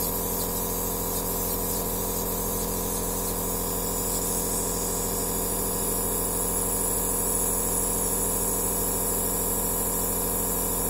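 Steady mechanical hum with a fine rapid pulsing hiss from an aerosol therapy machine running continuously.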